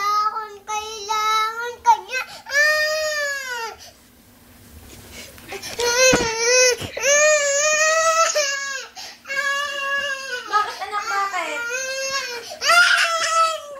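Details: Infant crying in long, high-pitched, wavering wails with brief pauses for breath.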